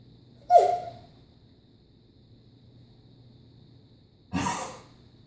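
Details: Two short, sharp coughs from an animal about four seconds apart, the first with a brief honking edge, quiet room noise between; cough.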